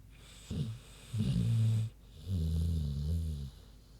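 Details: Pig sleeping: deep, low, rumbling snores with grunting texture, one short and two longer breaths; normal sleep snoring.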